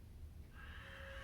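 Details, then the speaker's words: Respiratory therapist demonstrating a metered-dose inhaler with a spacer: a faint, reedy, harmonica-like whistle over breath noise, the spacer's flow warning that the inhalation after actuation was taken too quickly. "Uh-oh, did you hear a harmonica somewhere? That's because this spacer is letting me know I took that breath too quickly."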